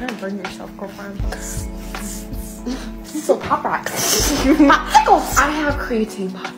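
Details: Young woman diagnosed with Tourette syndrome at the Mayo Clinic at age 18, now 19; clip from a compilation tracing her tic progression, with rhyming word-chain and obscene tics and music in the background; Tourette syndrome vocal tics.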